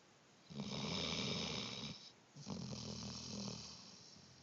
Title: snoring